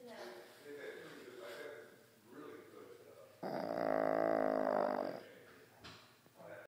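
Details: Pug napping: snorting, buzzing breath noises from a small flat-faced dog, with one long loud nasal rattle in the middle; snoring.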